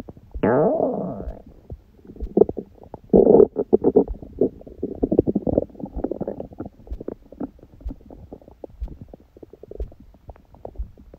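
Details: Own belly after eating and after abdominal exercise; the first meal was a large one at 16:00 after water-only fasting since 19:00 the previous day, on a raw-food diet. Frequent gurgles, squeaks and bubbling pops, rising squeal at start: active normal bowel sounds.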